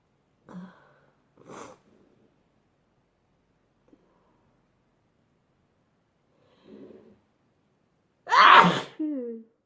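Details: Sneezing compilation clip: several soft sneezes with quiet gaps, ending in one loud forceful sneeze and a brief voiced sigh; ordinary sneezing.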